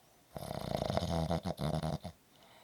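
A single long, rattling, buzzy breath sound ending in fluttering pulses, typical of snoring from vibrating airway tissue.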